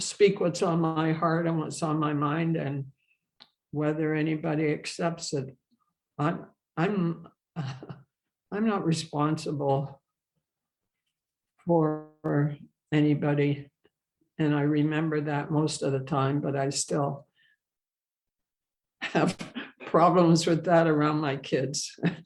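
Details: Adult woman who stutters, with a history of speech therapy and support group attendance; stuttering.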